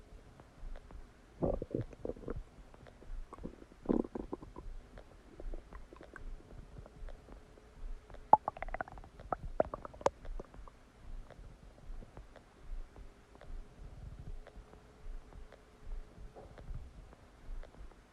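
Quiet gurgles, squelches and short rumbles come and go irregularly; ordinary stomach digestion noises.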